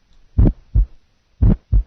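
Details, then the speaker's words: Simulated heart sounds with an early systolic ejection click after the first heart sound, a pulmonic ejection sound, compared with a single first sound. "okay so uh the pulmonic ejection sounds pulmonic ejection sound compared to the single first sound single first sound pulmonic ejection sound"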